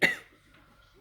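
A single short, harsh cough burst, then quiet room sound; a cough during influenza.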